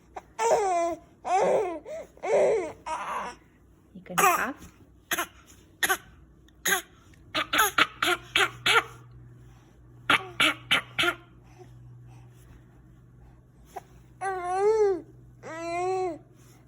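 Repeated short, sharp coughs come in clusters, with some strained, voiced sounds between bursts.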